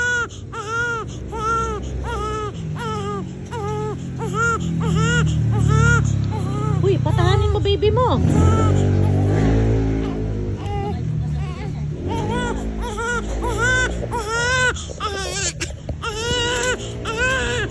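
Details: Baby crying hard in rhythmic wailing bursts with steady pitch arches over music and adult voices, shortly after feeding; infant crying.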